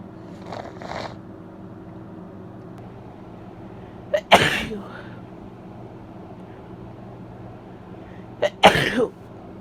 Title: Wet, Messy, Congested Sneezes (F)